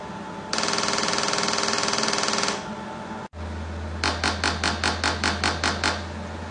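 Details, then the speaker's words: A steady buzzing pulse train, then a brief gap and about ten sharp rhythmic clicks from a TMS coil during a patient's first transcranial magnetic stimulation session for depression and anxiety; pulses cause face twitching, with 30-second pauses. "The treatment itself only lasts about 10 minutes. And what happens is it goes like, neat, neat, neat, neat, neat, and you feel these pulses, and then your face twitches, and then it like stops for 30 seconds."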